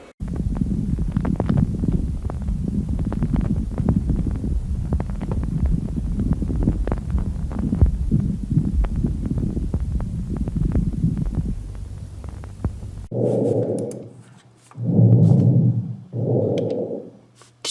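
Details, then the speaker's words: Lung auscultation teaching recording, front and back of chest: many brief popping crackles over rumbling breath noise, audible on inspiration and expiration; moist crackles, fine and medium caliber. "ваши хрипы как и сухие могут быть выслушиваться тоже как при вдохе и так при выдоха сейчас случаем две варианта влажных Липов мелкого и среднего калибра"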